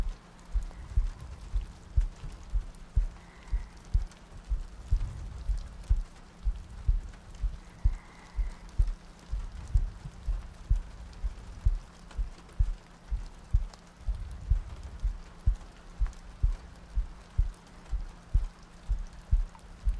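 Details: Three-hour looped ASMR sleep-aid recording with soft breathing and rain ambience; soft, regular low thumps around 62 a minute under steady rain-like noise; slow even heartbeat.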